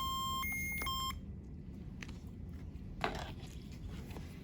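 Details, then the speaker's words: Short run of bright electronic beeps, then a click, from a CADD Legacy Plus infusion pump after the cassette is unlocked with a coin turned clockwise; cassette-removed alert. "So you'll use your coin, you'll rotate it clockwise, and it'll pop right out and also say that your cassette has popped out of the machine."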